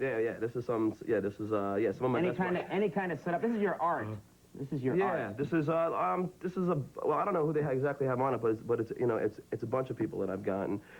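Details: Adult male known for a stutter; stuttering.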